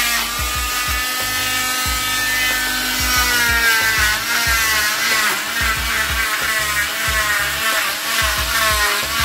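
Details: High buzzing whine of an oscillating cast saw cutting off a boy's arm cast covering the wrist and elbow, with music over it.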